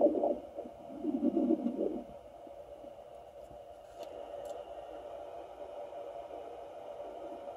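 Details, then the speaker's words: Fetal Doppler on a woman not confirmed pregnant picks up a brief irregular gurgling rumble fading into steady static hiss: ordinary bowel sounds of gas, liquid or feces moving, easily mistaken for fetal heartbeat or movement. "me it obviously sounds like bowels moving around"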